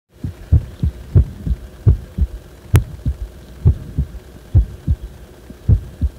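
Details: Fast, irregular low thumping heartbeats uneven in spacing and strength, recorded when the heart felt wrong; abnormal heart sounds.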